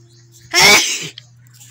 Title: Tickle sneezes Philippines, please like and SUBSCRIBE .